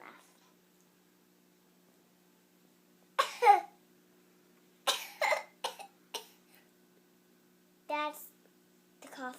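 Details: A young child with a bad cough, asked to cough again, gives several short, harsh coughs in separate bursts with brief childish vocal sounds between.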